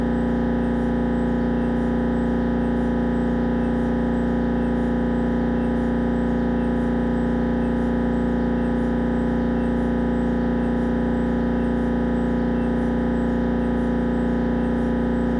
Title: 🧲 What an MRI Sound like / Siemens Magnetom Avanto Headscan Sounds